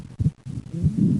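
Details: Low heart sounds in left bundle branch block with closely doubled S2 at rest ("out", S1–P2–A2) becoming single on inspiration ("in"); the finding is paradoxical splitting of the second heart sound.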